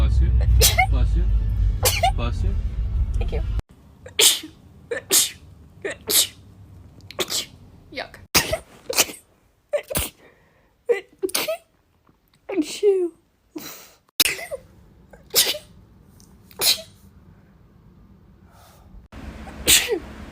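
A rapid run of many sharp, explosive sneezes back to back, with some background music; ordinary sneezing.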